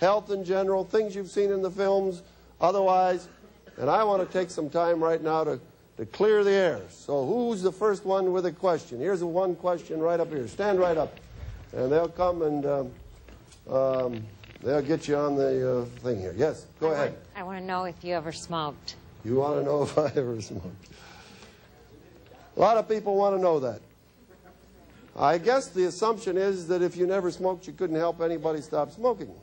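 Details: Adult male speaker; normal voice.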